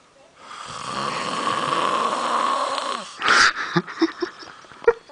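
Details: A sleeping person gives one long, loud, rattling inhaled snore of about three seconds, then brief snorts in a small room, while others complain he won't stop; loud snoring.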